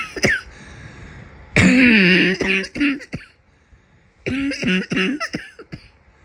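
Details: Person with a summer cold: two bouts of harsh, voiced coughing, each a loud burst followed by several shorter coughs. Cough.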